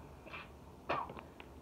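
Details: A teenage girl with Tourette syndrome and comorbid anxiety, ADHD, OCD and depression has sudden vocal tics of blurted words while speaking.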